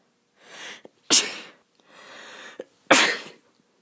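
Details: Female whose nose is a little itchy all the time when outdoors this time of year: two soft, controlled sneezes, each a drawn-in breath then a sharp airy burst.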